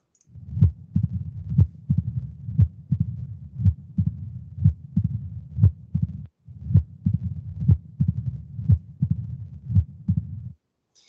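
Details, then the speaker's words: Mitral stenosis heart sounds in a patient presenting with TIA: loud S1 is loudest, quiet systole, S2 followed by an opening snap, then a long low rumbling diastolic murmur that gets louder right before S1. "anybody know what this patient has a loud s1 an opening snap rumbling diastolic murmur to dissipate the classic findings of mitral synosis exactly exactly"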